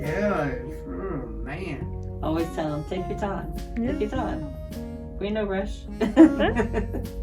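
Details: Adult speaker; normal speech.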